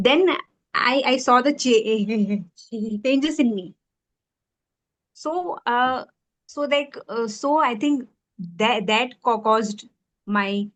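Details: Woman who stammers, with relapse after childhood speech therapy; part-word and word repetitions are audible; stuttering.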